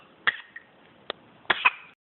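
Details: An infant gives a few short, high-pitched coughs, the later ones running into voiced, giggle-like sounds, in a quiet room: cough.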